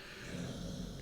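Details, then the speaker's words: A sleeping dog gives a low, rough, rumbling breath sound that fills the room without a break: loud snoring. "dude Yogi snoring is so loud so sorry if you hear that"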